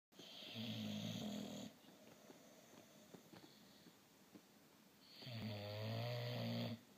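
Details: Sleeping baby snoring: two long, low, rattling snores on breathing, separated by a quiet pause; snoring.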